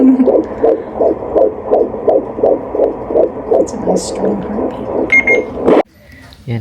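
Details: Fetal Doppler at 12 weeks of pregnancy, first prenatal check-up: rapid regular whooshing pulses about 160 a minute, then the probe cuts out; a strong normal fetal heartbeat.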